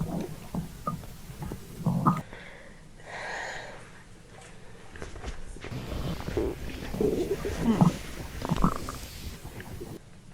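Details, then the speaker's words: Pregnant woman's belly after drinking fizzy soda (cola, Sprite): irregular low gurgles and bubbling rumbles with faint room noise, loud bowel sounds (borborygmi). "Look, my stomach is grumbling. My stomach is making noise. My stomach is making noise."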